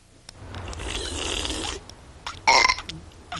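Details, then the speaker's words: Animated cartoon burping contest between kids (The Simpsons): a long, loud, rasping belch followed by a brief second burst. "What are you kids doing now? We're having a contest, Mom. What? We're having a burp contest, Mom."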